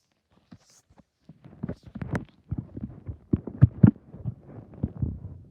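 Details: Person's own stomach growling (borborygmi): irregular low gurgling and rumbling bursts, bubbling and squelching for several seconds.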